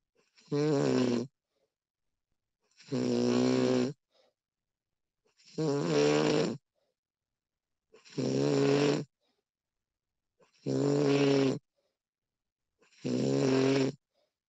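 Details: Snoring recording of a sleeping adult woman: six regular rattling snores, about 24 a minute, with quiet pauses between; steady snoring.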